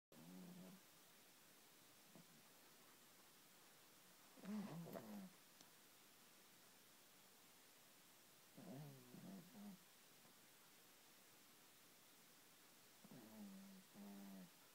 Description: My MIL's chihuahua is caught snoring and then staring me down.